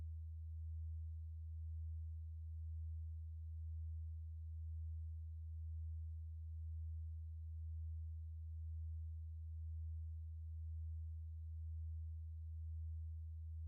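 A steady, quiet low-pitched pure tone with a slight regular pulsing, used as a hearing test tone.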